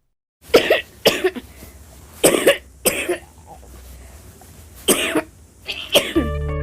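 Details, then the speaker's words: Child's six loose, rattly coughs in a row: a chronic persistent wet cough with mucus in the chest, occurring most days for weeks, a serious warning sign needing urgent medical attention. "a chronic persistent weak cough as a mucousy phlegm a fruity son and cough it sounds like the children have got mucus down in their chest and it usually occurs most days and can go on for weeks at a time"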